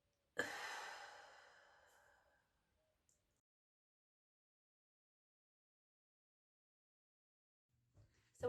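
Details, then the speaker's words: Demonstration of the deep-breathing step of the active cycle of breathing, a chest clearance technique for retained secretions (e.g. chest infection, COPD): a long deep nasal breath, a two-second hold, then a small extra sniff on top. "now be a nice deep breath in first hold for two seconds and then a sniff on top so deep breath in through your nose"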